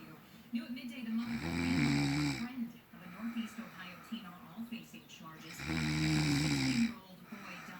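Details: A sleeping female snores: two loud, rough, rattling snores on the in-breath, with quieter breathing between them and faint room noise.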